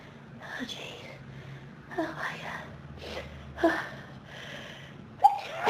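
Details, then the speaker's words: An intense, dusty sneezing fit: a run of hissing sneezes and forceful exhalations close together in a small quiet room. "Oh, wow. This is a big sneezing fit. Do you feel it? Oh, God."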